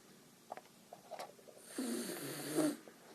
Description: Snoring Dog